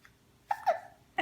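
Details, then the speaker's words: 12-week-1-day-old baby boy with hiccups near bedtime while held upright doing supported squats; brief voiced catch and short squeak repeating about every second, typical infant hiccups. "yeah huh yeah with the hiccups that's okay"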